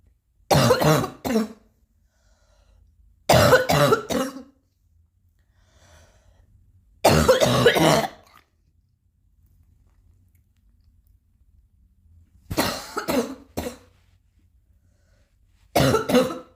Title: still coughing a little